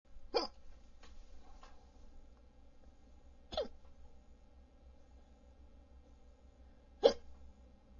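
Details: Audio-only recording: three sharp, brief gulping hiccups about three and a half seconds apart over a low steady hum.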